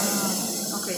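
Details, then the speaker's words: Compressed air released from a portable dental unit's pressure tank, unit switched off, before removing water bottle: continuous loud hiss of venting air. "Patayin mo muna yung unit Ah okay ta ire-release mo yung hangin dito open mo siya yan"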